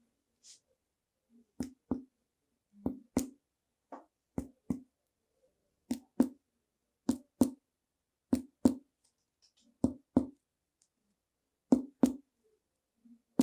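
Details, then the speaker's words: Paired finger taps on the chest with a hollow, drum-like ring: a tympanic percussion note, illustrating air accumulated in the pleural space (pneumothorax) during thoracic percussion teaching. "vamos observar o som com Pânico o som timpânico"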